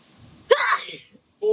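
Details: A single explosive sneeze followed by a short voice sound, from a woman with severe flu-like viral illness with cough, fever, body pain and watery eyes, after a cooler ran overnight: sneeze.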